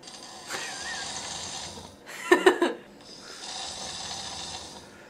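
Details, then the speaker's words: Adult snoring recorded while asleep, before wearing an anti-snoring device: noisy breathing, then a loud, rattling, fluttering snore on one breath before softer breathing resumes. "じゃあまず、いびきグッズをつける前のいびきをちょっけよ。"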